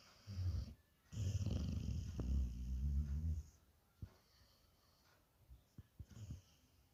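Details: Sleeping Bhotia (pahadi) dog taking very big snores: two loud, low, fluttering snores, the second long with a vibrating rattle, then quiet breathing and soft snuffles; snoring.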